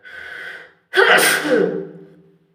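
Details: Person sneezing: a drawn-in breath, then one forceful, explosive sneeze trailing off in a voiced tail; strong sneeze.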